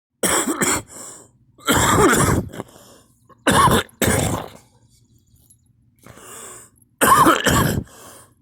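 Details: Person coughing, vomiting about five times with nothing in the stomach: repeated harsh, forceful coughs in clusters with rough throaty tails between bursts.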